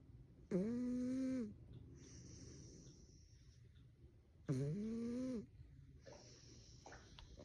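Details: Sleeping cat snoring: two loud, buzzy, tonal inhalations about four seconds apart, each followed by a softer airy exhale, roughly 15 breaths a minute.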